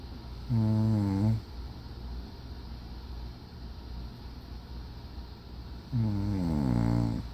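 Two loud, low, fluttering snores about five seconds apart with quiet breathing between. Ordinary snoring.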